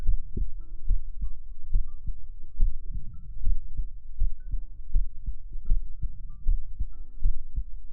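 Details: Steady, deep thumping heartbeat of about 75 a minute with soft background tones, from the heart-sound segment of a sleep ASMR stream with ear massage; normal heartbeat.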